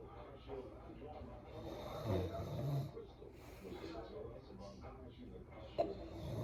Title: Snoring nap￼ ￼